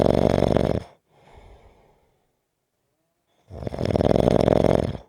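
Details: Adult sleeper snoring: loud, buzzing, rattling snores on each in-breath with a quiet pause between.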